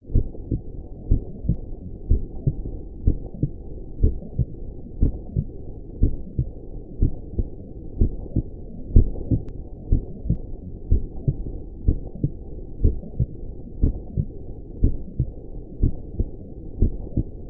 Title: Sleeping Baby Heartbeat sound